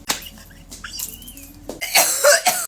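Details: An adult takes a "blinker" hit, which the tags tie to cannabis, and it is the second of the day. After a quiet stretch comes a short run of harsh, rough coughs.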